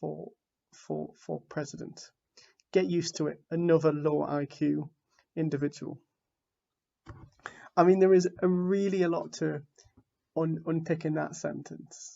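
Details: Adult man from the UK who identifies as a person who stammers; stuttering.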